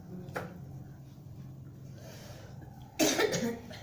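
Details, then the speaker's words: Cough of a sick young child during a traditional massage session: a faint early cough, then a louder cough burst near the end, over a quiet room with low hum; described as an ordinary cough. "Biasanya ini kayak batuk kayak biasa nah"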